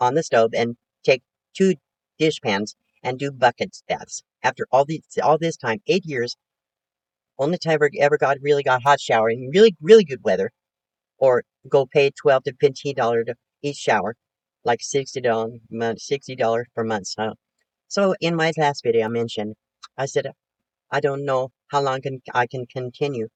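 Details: Post-stroke aphasia in a 72-year-old woman recovering from her second major stroke, which she says affected her thinking; she is talking much better, with word repetitions, restarts and word-finding errors.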